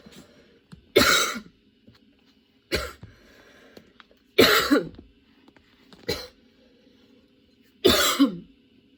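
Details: Person with a sudden, very long coughing fit that brought tears and kept worsening while they changed positions: five forceful wet coughs in about nine seconds, some ending in a brief gasp.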